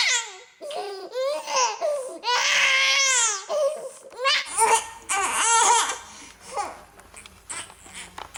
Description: A baby is crying. Poor baby.